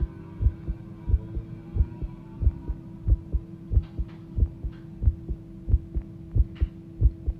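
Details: Fast heartbeat recorded as the heart began pounding: regular, strong, low thuds at about 91 beats a minute over a steady low hum.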